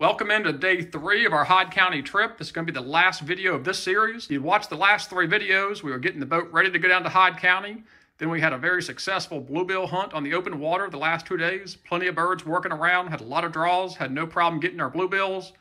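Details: Adult male speaker; normal voice.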